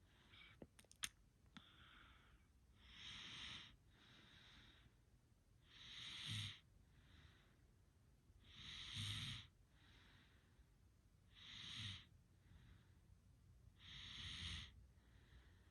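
Slow, rough, rattling breaths repeat about five times in fifteen seconds, a regular snoring pattern during sleep.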